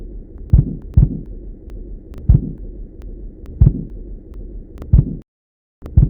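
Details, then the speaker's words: Dull low taps over a steady hum, irregularly spaced at roughly 45 per minute: Korotkoff sounds heard as the BP cuff is lowered from above systolic, demonstrating pulsus paradoxus (as in cardiac tamponade). "so when you start lowering the blood pressure you will start to hear corroded cough sounds"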